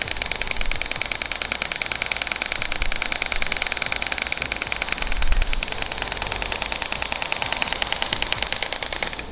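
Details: Radial shock wave device treating the sides of the Achilles tendon: rapid, steady mechanical clicking pulses throughout, device firing at a low setting.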